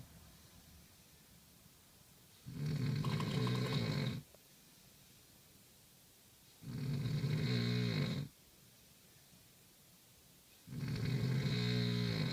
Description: More serious snores